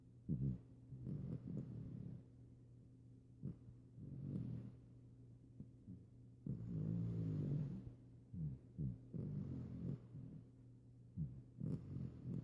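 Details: Female puppy snoring while napping: soft, low rumbling snores in irregular bursts over a steady low hum; ordinary sleep snoring, which she does frequently.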